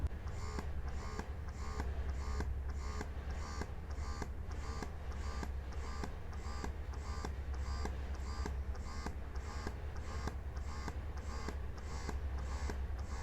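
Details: Mom Uung portable electric breast pump in massage mode, stepped through levels 1 to 9: quiet low motor hum with soft regular ticking pulses, about two a second.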